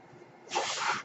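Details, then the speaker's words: Speaker's own mechanical ventilator audible while recording a podcast: a soft, airy hiss that swells suddenly as the ventilator delivers a breath. "noise you're hearing is my ventilator and welcome to page-turners they were not my Star Wars podcast"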